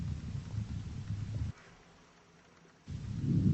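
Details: Soft, low rustling breath sound about a second and a half, quiet pause, next breath begins, at symmetric points over the back along the scapular line: normal vesicular breathing.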